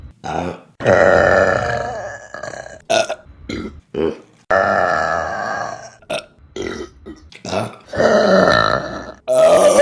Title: Burping Compilation September #1 | RBC